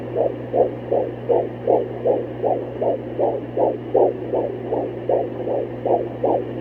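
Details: Doppler fetal heartbeat at almost 17 weeks of pregnancy: fast, regular whooshing beats, about 155 a minute, over a steady hum; fetal heartbeat.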